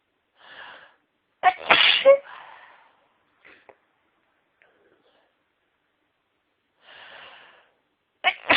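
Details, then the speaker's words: Sneezing fit: several sharp, high-pitched sneezes with quiet breaths in between; the sneezer says she can't stop sneezing. "Can't stop sneezing. Let's sneeze again."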